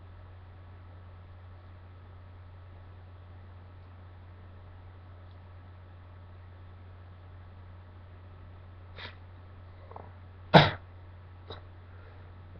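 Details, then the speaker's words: A few soft sniffs, then one short, muffled burst: a deliberately self-induced sneeze that is stifled (held in) on request, unlike this person's usual released sneezes. "okay oh my God it makes a funny sound I don't usually sneeze like that I usually just like let them out you know like the other ones"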